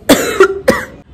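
Two short, harsh coughs in quick succession with a brief voiced tail, from a teenager who is unwell.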